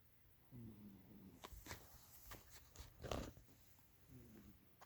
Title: cat xiaomen snoring -- VOLUME UP